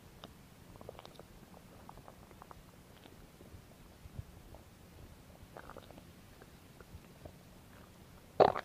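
Soft scattered clicks and gurgles, then a brief louder rumble at the end: ordinary stomach growling, normal bowel activity.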